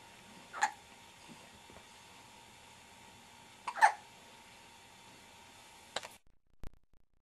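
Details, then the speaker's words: Baby who had many hiccups in the womb and still hiccups regularly: two brief, sharp hiccups about three seconds apart over a quiet room hum. "has the hiccups. Oh, goodness."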